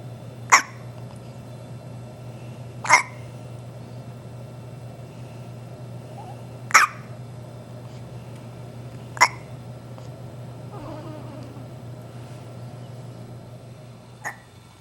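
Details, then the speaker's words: Baby girl with a bout of hiccups described as sounding like a squeaky toy: short, sharp hiccups every few seconds, about five in fifteen seconds; infant hiccups. "you sounds a little like a squeaky toy who knew that hiccups could be so fascinating"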